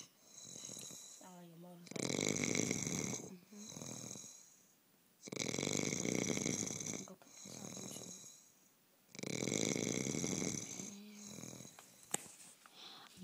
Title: snoring man